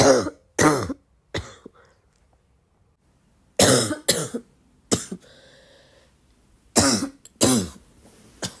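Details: Girl who woke up coughing has a coughing fit: eight harsh, forceful, barking-type coughs in short clusters with pauses between.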